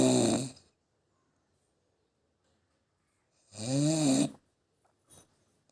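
Two loud, rattling snores separated by a quiet pause of about three seconds, then a brief softer breath sound; ordinary snoring.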